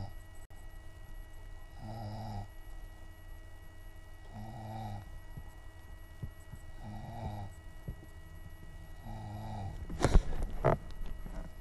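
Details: Adult man snoring all night long: low, soft, rumbling snores about every two and a half seconds over a steady background hum; ordinary snoring.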